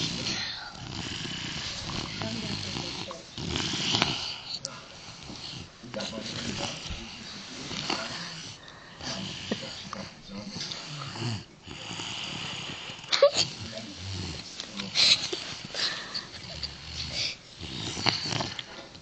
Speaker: This is. He's snoring.